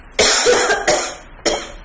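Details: Three short, sharp coughs in quick succession from an adult, with no wet rattle or wheeze; one of five sample cough sounds played when discussing which cough suggests pneumonia; cough.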